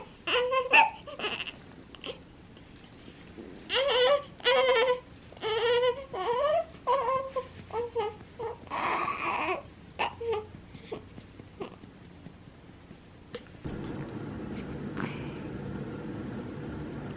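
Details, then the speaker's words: Newborn boy within his first 24 hours in hospital, fussing after nursing only a few minutes and refusing to latch: short, high-pitched cries in bursts with whimpers, then quieter rustling; ordinary newborn cry. "He nursed for like a few minutes, and then he doesn't want to latch anymore, but he's just not the happiest camper right now."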